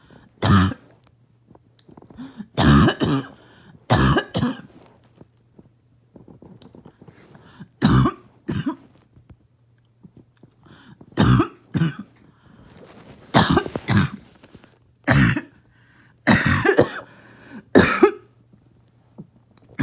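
Repeated harsh, barking coughs in short bursts and pairs from an adult, over a faint steady hum.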